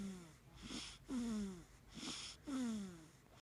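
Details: 1-month-old infant with squeaky, whistling noises on each breath, about 43 breaths a minute, sounding like soft snoring through a congested nose; noisy breathing.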